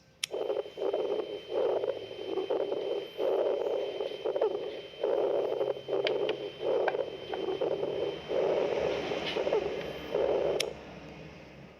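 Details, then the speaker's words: Repeated short bursts of high-pitched crackly, popping noise in breath-length groups, fine crackles, discontinuous abnormal lung sounds. "let's discuss first the grubbles grubbles is a high pitch sounds and it sounds like this"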